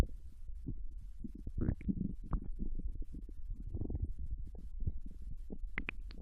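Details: Japanese woman's intestines digesting ramen and potato chips: continuous low gurgling and rumbling with occasional higher squeaks; bowel sounds (borborygmi) during normal digestion.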